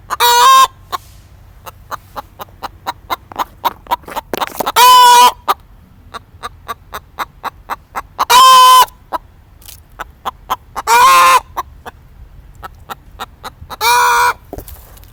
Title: chicken has hiccups